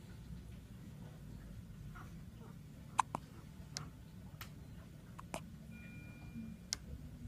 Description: Our little one having hiccups after his feed.